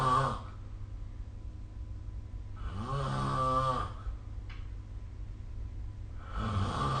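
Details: Snoring during sleep recorded with the SnoreLab smartphone app: slow, rattling snores on breathing in, about 18 a minute, over a steady low room hum.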